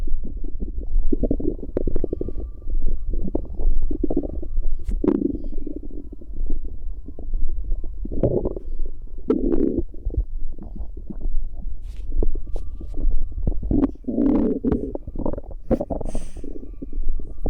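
Steady low rumbling with scattered gurgles and bubbling sounds from the abdomen; ordinary bowel sounds.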